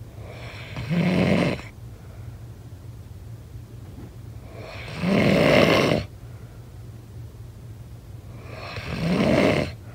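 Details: Snoring sound effect: loud, regular snores on breathing in, about 15 a minute, with quiet gaps between them; snoring.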